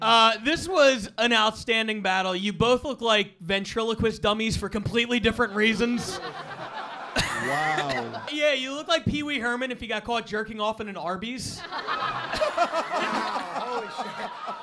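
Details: Adult male speaker; normal speech.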